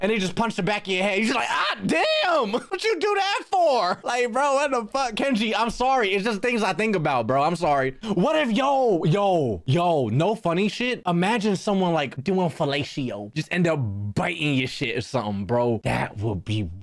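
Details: Adult man speaking; Normal speech.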